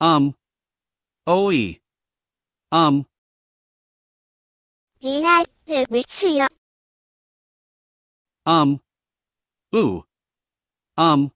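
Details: Person who had a left-hemisphere stroke on November 27, 2019, now aphasic, not understanding language and unable to communicate verbally: aphasia after stroke.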